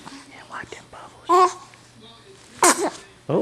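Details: Two-month-old baby sleeping in a quiet room gives two or three quick, sharp little sneezes after soft adult talk; sneezing during sleep.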